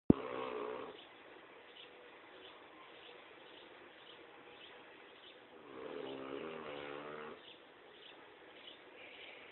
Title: Mastiff sleeps and snores